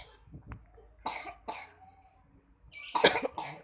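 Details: Child with cough and flu, reluctant to take medicine: several short, fairly soft coughs in a quiet room with faint background sounds; cough.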